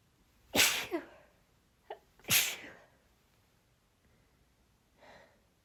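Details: Nonstop breathy, breathless sneezing fit (23 sneezes in total): two sharp breathy sneezes with a short catch of breath between, then a softer exhale.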